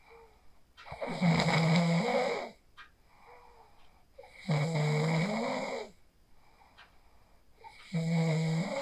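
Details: Phone recording of a person sleeping after practising the 4-7-8 breathing technique: loud rattling snores on each inhalation, about 18 breaths per minute, with quieter exhalations between. Ordinary sleep snoring.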